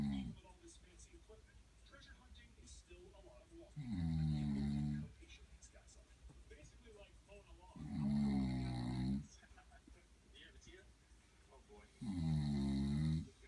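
Loud, low, rattling snores, three in the clip, about 15 breaths a minute, with quiet exhalations between them; ordinary snoring.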